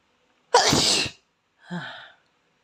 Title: Asian boy sneezes until his nose runs 👃💦